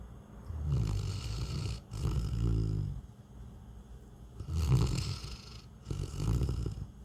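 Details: Deep, loud, rumbling snores with a hissing exhale after each, about four breaths in seven seconds, from a Newfoundland dog in heavy sleep; snoring.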